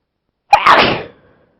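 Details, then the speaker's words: Person announcing an oncoming sneeze, then a single sharp sneeze: a brief inward catch, then a loud explosive burst of air fading over about half a second. "Gonna gonna sneeze. Oh, Jesus, sneeze."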